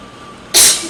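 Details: Person with a cold sneezes once in an echoey bathroom with air conditioner noise: a single sudden, hissing, explosive burst of air after a quiet moment; sneeze.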